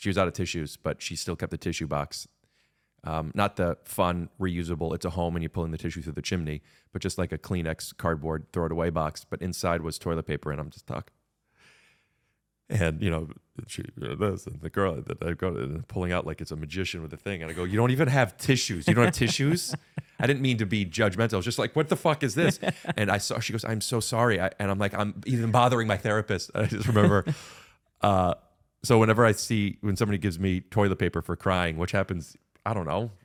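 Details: Adult male speaker; normal conversational speech.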